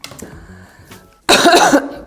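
A single loud, open, uncovered cough from an adult, acted as a demonstration, after a quiet stretch of room noise.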